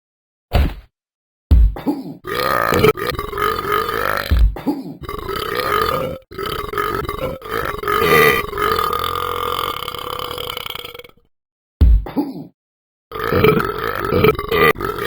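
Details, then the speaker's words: Dog burping: several long, low, croaking burps in a row, each a few seconds long, with short pauses between; burping. "I knew I shouldn't have eaten those beans."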